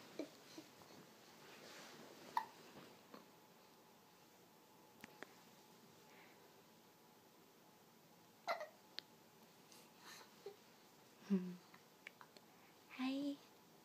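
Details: Baby having hiccups while moving as if dancing: several brief, soft, abrupt catches of breath a few seconds apart in a quiet room; infant hiccups.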